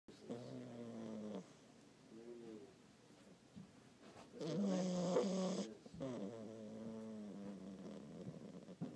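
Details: French bulldog puppy only a couple of months old, sleeping: loud, buzzing, whistling snores with each breath.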